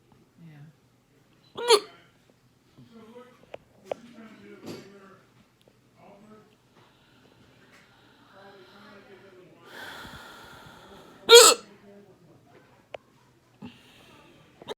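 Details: Hiccups in the ER that began after eating lunch: two loud, abrupt vocal hiccups about ten seconds apart, with quieter breathing and small gulps between. Hiccuping quietly may hurt in the throat.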